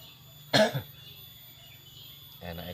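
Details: A single loud, harsh cough burst with a weaker second tail, then quiet, from a person whose cough has lasted over three weeks without healing; lingering cough.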